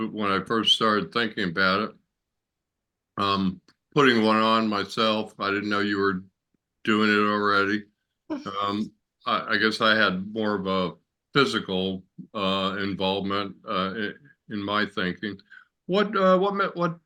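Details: Adult male stroke survivor with ongoing aphasia since his stroke, who can sing along to familiar songs without it; aphasia.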